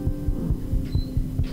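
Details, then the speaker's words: Young palliative child's heartbeat, recorded with a digital stethoscope and blended as the lead instrument into music based on the child's favorite song: rapid soft thumps, roughly 140 a minute, under a sustained musical hum. "the heartbeat travels um you know as the lead instrument it's such a powerful sound and because it is intimate and it means so much the music just is very delicate and follows along um with a theme of their child's favorite song"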